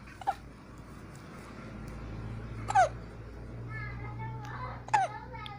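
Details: Three brief, abrupt voiced catches a couple of seconds apart over room noise and faint child sounds; hiccups.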